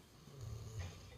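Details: Child and father snoring: a low, rumbling snore builds over about a second, deep and throaty, in a quiet room.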